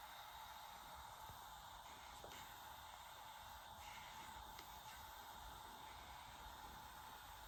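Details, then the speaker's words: Suction machine checked before tracheostomy suctioning: quiet, steady suction hiss with faint motor tone and brief slurping clicks as water is drawn up through the catheter. "And I'm going to make sure that it works by suctioning up the water. Great, it works."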